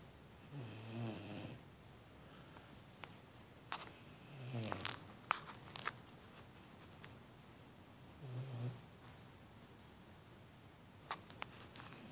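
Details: 6-month-old female Vizsla dog snoring asleep after a tiring beach workout: slow, rumbling breaths, about three snores in twelve seconds, faint room noise between; snoring.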